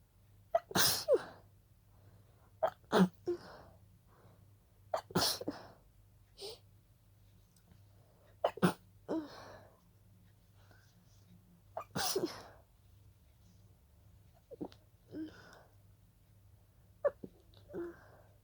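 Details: A fit of about seven breathy, stifled sneezes with sharp intakes of breath; a sneezing fit that started as a pollen allergy.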